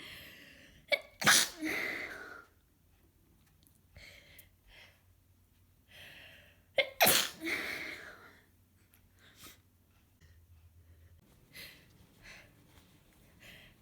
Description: This cold has gotten me good, I am so tired from all the sneezing and noseblowing, I've gone through so many tissues already and its only been a few days.